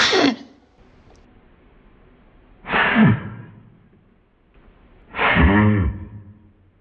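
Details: Ruusu the cat coughing, played back in slow motion: three sharp, harsh expulsive bursts about two and a half seconds apart, the last with a brief voiced tail.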